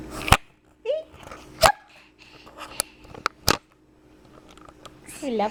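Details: Hiccups.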